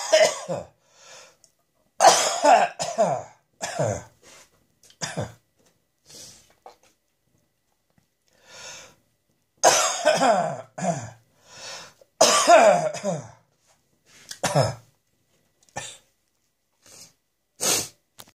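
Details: Harsh, dry coughing from an adult, in repeated irregular clusters with breaths in between.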